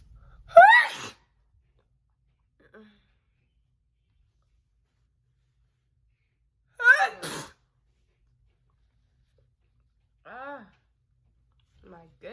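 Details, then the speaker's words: Two voiced sneezes, each with a rising 'ah' build-up and a sharp burst, then brief vocal sounds; deliberately messy sneezing performed on request for a personalized sneeze video, turning away from the phone camera. "um today it's a personalized video and they requested messy sneezing that's what i believe it was um so that's what we're gonna be doing today"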